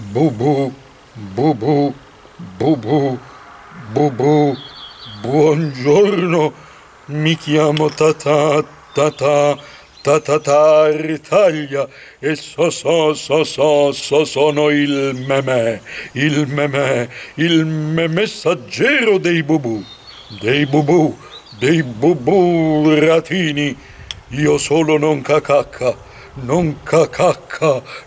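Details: Acted stuttering: the Commedia dell'arte puppet character Tartaglia, performed in Bolognese dialect, who is described as stuttering so that every phrase breaks into many pieces.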